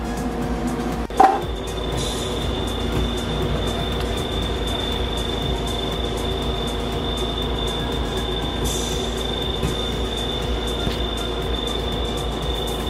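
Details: Veterinary dental CT scanner running during a canine dental cleaning: a steady low hum, a constant high whine and faint clicks while about 400 images are taken of the anesthetized dog, whose femoral pulse and breathing are monitored by hand.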